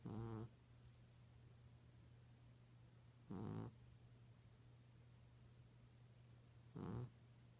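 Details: Cat snoring during sleep: three short, low snores, about 18 a minute, over a steady background hum.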